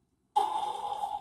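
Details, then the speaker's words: Adult snorer with a markedly elongated uvula: the airway blocks on exhalation so air cannot leave through the nose and goes out the mouth, all night. A recording is played back with a brief buzzy, rattling breath after silence: snoring. "그래갖고 숨소리가 들어가긴 하는데 나올 때 막혀갖고 이게 코로 못 나오고 입이 푹 가고 퍽 들어가고 이 소리가 나는 거예요. 계속 밤새. 그래서 나는 코골이라고 지금 체크를 해갖고 색깔이 이렇게 되어 있는 거예요."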